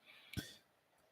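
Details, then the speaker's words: A single faint, muffled cough from a sick female in an upstairs room, heard against quiet room noise: cough. "You can hear a bit of coughing from upstairs. I'm very sorry. She's not well."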